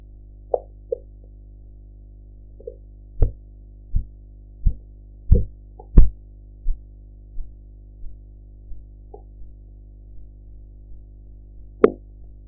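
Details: Blood pressure practice recording with a sphygmomanometer and enhanced audio: Korotkoff sounds as regular low tapping beats, about 88 a minute, that appear, strengthen, then fade away, amid scattered extraneous clicks and background noise.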